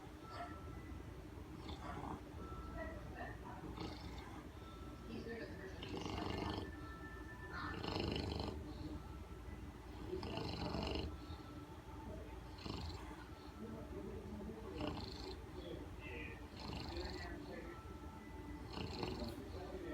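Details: A sleeping English bulldog snores loudly and roughly, about ten snores in twenty seconds, over a steady low hum.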